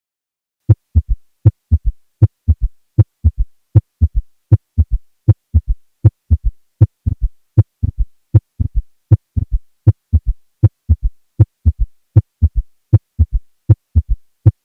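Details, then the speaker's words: Pathologic third heart sound (S3 gallop) in a teaching recording: a regular heartbeat near 78 a minute with a soft, low extra thud just after S2, linked to filling of a failing ventricle. "here's a schematic and audio clip of how S3 relates to the other osculatory components of the heart"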